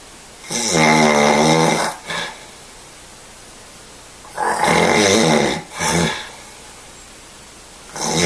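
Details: Sleeping person snoring loudly: rough rattling snores on each breath in, about two long snores with short follow-on sounds, in a quiet room.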